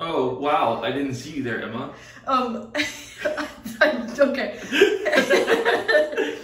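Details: Adult speaker; ordinary speech.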